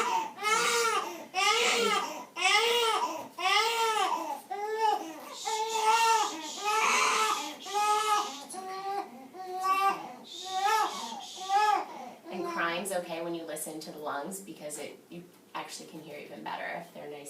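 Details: Male newborn cries in repeated rhythmic bursts, fading into fussing, during a nursing newborn physical exam after stethoscope checks of the heart and bowel sounds. Newborn crying.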